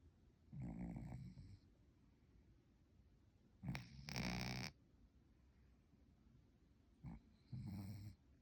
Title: Creepy Pants cat snoring so loud! #scarycat #cat #creepypants